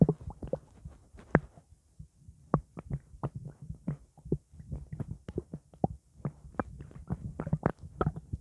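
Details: Borborygmi after drinking blackcurrant juice: irregular low gurgles and sloshing pops from the stomach, normal bowel sounds.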